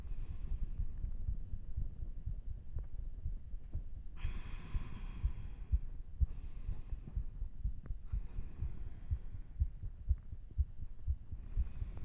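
Fast, low, thumping heartbeat near 120 a minute, partly masked by body noise; a normal heart rate raised after vigorous exercise.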